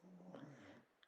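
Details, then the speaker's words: A tired dog, sleeping after a morning outing, gives a single low, rough snore lasting under a second, then goes quiet. "and sorry if you can hear my dog snoring Buster has been out shopping this morning so he's been meeting his public he's tired"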